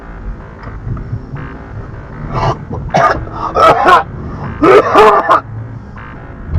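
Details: Several harsh, loud cough bursts in quick clusters over low background music, from a child passenger coughing in a car on the way to a hospital; cough.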